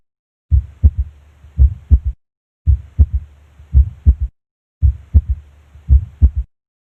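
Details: Third heart sound (S3) heard at the apex; physiological S3.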